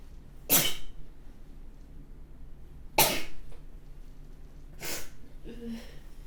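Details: One person sneezing several times in a row.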